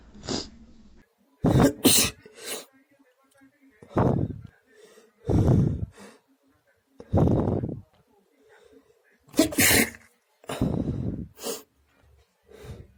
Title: A sneezing day 😏